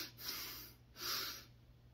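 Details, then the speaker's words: Heavyset 122 kg, 6'2" man under ketamine/propofol procedural sedation for a painful orthopaedic procedure, sitting at 30–45°: two soft, airy audible breaths before he obstructs his airway. "I gotta pay attention to his breathing sometimes you can hear it sometimes it correlates definitely correlates with the end title"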